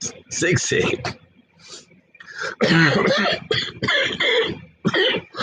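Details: Coughing fit in an adult who is sick and unsure whether it is COVID or flu: repeated harsh cough bursts in quick clusters with throat clearing between them.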